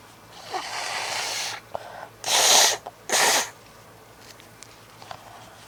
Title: Bored Sneezes